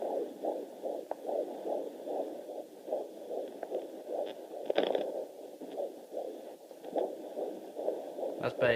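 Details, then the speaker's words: Fetal heartbeat on Doppler at about 155 a minute, fast regular whooshing pulses, contrasted with slower maternal pulse; normal fetal heart rate. "Baby. Oh, she's a bit sneezed. That's the baby, nice and quick."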